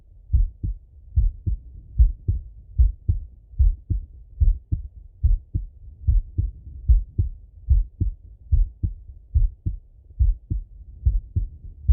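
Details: Male heart auscultated with a stethoscope, recorded partly sitting at a desk and partly lying in bed: regular paired low thumps at about 73 beats a minute with no extra sounds; normal heart sounds.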